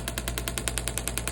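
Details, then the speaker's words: Shockwave therapy on the Achilles tendon near its calcaneal attachment, treating pain and scar tissue after an injury. A handpiece fires rapid loud rattling pulses, about ten a second, as sound waves are emitted through the tissue. "So as we're working around that, those sound waves are being emitted through the tissue."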